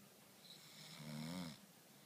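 One low, rumbling snore on an in-breath, rising and fading over about a second, over steady room hiss.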